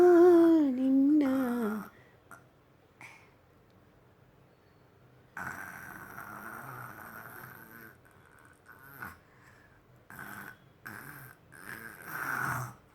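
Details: A young child imitating how adults snore, playfully making snore-like voiced sounds and snorts; imitated snoring, not true sleep snoring.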